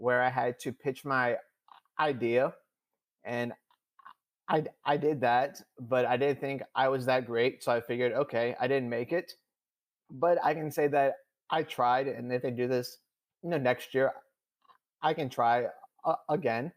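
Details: 26-year-old man who stutters, speaking conversationally in a podcast interview about stuttering; stuttering.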